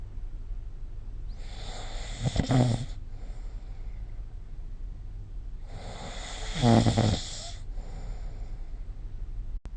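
Two loud, rattling snores on the in-breath, about 14 breaths a minute, with quieter breathing between.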